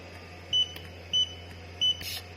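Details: Three short, high electronic beeps as the flow setting (gear 1–5, 5 = 5 L/min) is stepped on an ANGELBISS ANGEL-5POC portable oxygen concentrator, user wearing nasal cannula with breath detection; normal confirmation tones over quiet room hum.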